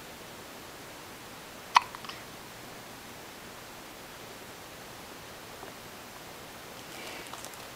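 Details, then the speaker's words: Baby girl with hiccups, which she gets every day: one small, sharp hiccup in a quiet room with faint soft sounds afterward. "Poor baby girl has the hiccups."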